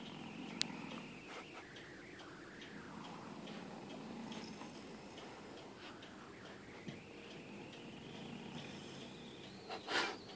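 Soft, faintly whistling snores rise and fall with slow breaths from a napping animal in a quiet room; ordinary, harmless sleep snoring.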